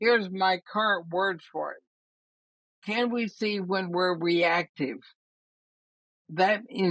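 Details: Dysarthria in a woman of about 80 with ALS (Lou Gehrig's disease); she says her speech already shows quite a bit of trouble but she thinks she remains intelligible.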